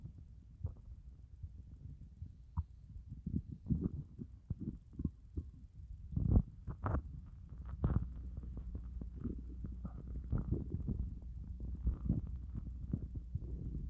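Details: Stomach growling after fasting over 30 hours: low gurgling and groaning rumbles in irregular bursts throughout; ordinary hunger borborygmi from an empty stomach.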